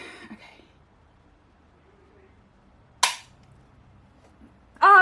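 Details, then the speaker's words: Quiet room, then one sharp loud snap as a spring-loaded insulin pump infusion set inserter fires a new cannula in a type 1 diabetic, six weeks on the pump; the insertion hurt. "makes horrible noise it doesn't even really hurt but oh yeah nervous okay"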